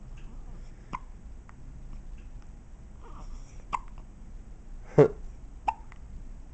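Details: A young girl in hospital with hiccups: about four abrupt, sharp little gulps over several seconds in a quiet room; hiccups.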